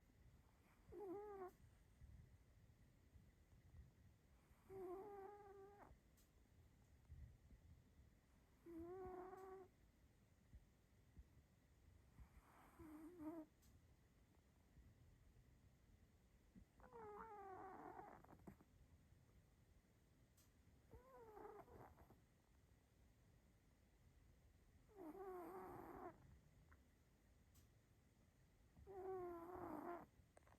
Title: The cat snores